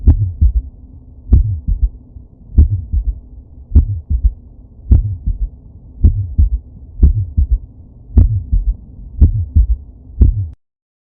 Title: S3 Heart Sound